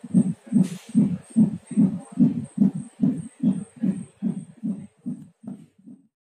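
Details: Fast, regular whooshing beats at about 146 per minute; fetal heartbeat at 9 months of pregnancy.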